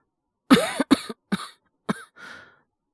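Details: Acted (all performance) male voice cough in a role-play about a coworker recovering from a late-summer cold; four short, loose coughs then a breathy exhale, the cough easing off.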